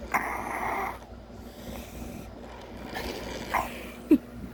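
Irregular nasal snorts and rough snoring breaths with brief grunts, a normal pig sound.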